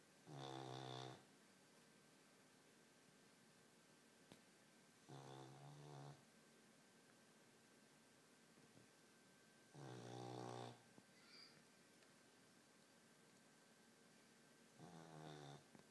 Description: Stray dog snoring